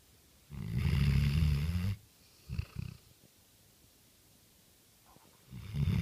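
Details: Sleeping dog snoring: low rumbling snores with short snorting bursts between them.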